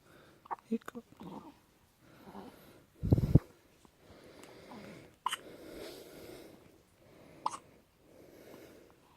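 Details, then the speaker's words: Baby girl with hiccups: small abrupt catches in her breathing, several over nine seconds between soft breaths and quiet sounds; infant hiccups. "Oh, you got the hiccups. You got the hiccups. Oh, oh, oh, oh my goodness. Hiccups, hiccups,"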